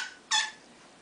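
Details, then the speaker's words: Fire cupping demonstration on the back of a first-time recipient: a single brief high squeak, then quiet, as air escapes from under a cupping cup that feels a bit tight before being adjusted. "it does make a funny noise sometimes when the air is coming out"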